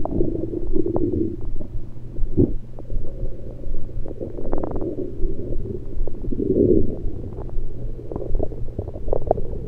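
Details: Self-recorded over own stomach with a USB electronic stethoscope, taking only liquids, not digesting food: continuous low rumbling with frequent bubbling gurgles and pops; active bowel sounds (gurgles).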